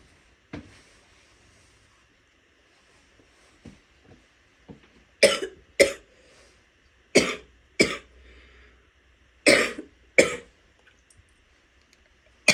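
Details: Six loud wet coughs in close pairs from an adult woman, with a few small spitting sounds.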